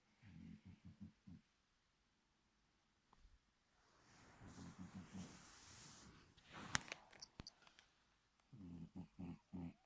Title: Snoring Bengal cat doesn't want to wake up!